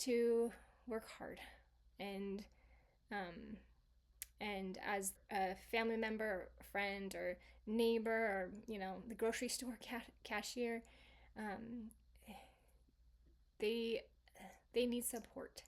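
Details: Residual aphasia in a female stroke survivor, 26 years after the stroke; her aphasia was originally global, with inability to read, speak or understand and difficulty writing, and improved gradually over time.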